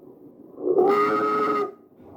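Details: Tracheal stridor: a loud, steady high-pitched musical tone during one breath, from a narrowed upper airway.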